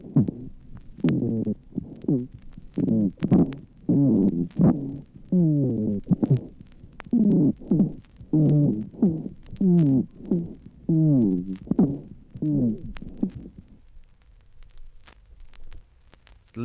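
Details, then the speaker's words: Bronchial asthma teaching recording: sibilant rhonchi on inspiration and on expiration, heard as repeated musical wheezes with gliding pitch, reflecting mucus hypersecretion and the bronchial contraction component. Wheezing from bronchoconstriction in asthma. "note the sibilant rhonchi on inspiration [Music] [Music] and now listen to the sibilant rhonchi on expiration presence of the rhonchi demonstrates the hyper secretion of mucus and our past production [Music] this is the bronchial contraction component"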